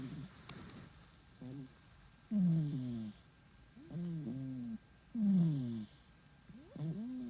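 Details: Sleeping cat with soft, low, whistling-rattly snores repeating about 21 times a minute; snoring.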